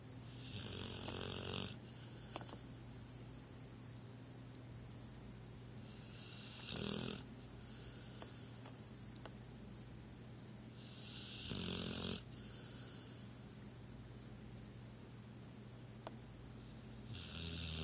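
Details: Snoring: repeated rough snores on each in-breath about every five seconds, with a hissing out-breath, over a low room hum.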